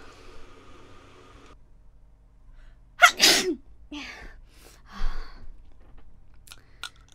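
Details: Sneeze recorded for a sneezing-sound event: one sharp, explosive sneeze, followed by a few softer snuffles and sniffs; sneezing.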